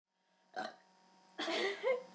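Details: Burping: two belches, the second longer and louder, over faint room noise.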